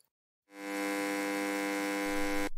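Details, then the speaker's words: Simulated tinnitus heard as buzzing: a steady low electrical buzz lasting about two seconds, illustrating a noise that does not come from outside, in one or both ears, possibly constant. "il s'agit toujours d'un bruit parfois plus d'un à la fois ou d'un dans chaque oreille pouvant être constant ne provenant pas de l'extérieur il peut se présenter sous la forme d'un bourdonnement"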